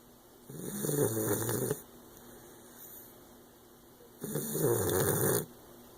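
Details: A sleeping bulldog puppy gives two long, loud rattling snores about four seconds apart, separated by quiet breathing; snoring.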